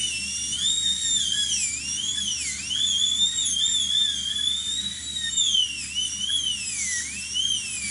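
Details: Dental drill working on a patient's plastic denture being cleaned: continuous high-pitched whine that dips and rises under load.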